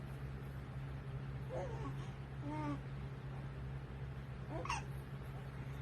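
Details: Infant girl with bad hiccups: three brief voiced hiccup sounds spaced a second or two apart, over a steady low room hum.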